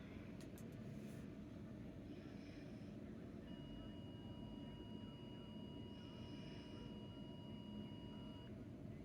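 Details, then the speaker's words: Implanted baclofen pump in a 15-year-old with cerebral palsy, non-critical alarm repeating once an hour (under 2 mL drug left, battery nearing end): single long, steady, not very loud electronic tone over low rumble. ">> At least it's long. >> It's long, not short. >> So, it's like different than some other beeps. >> Yeah. >> But it it is >> it's not super loud."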